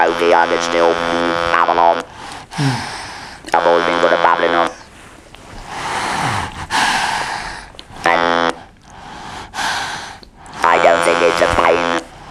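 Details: Man speaking with an electrolarynx after total laryngectomy and radiotherapy for laryngeal squamous cell carcinoma; buzzing artificial-larynx voice; electrolarynx (alaryngeal) speech.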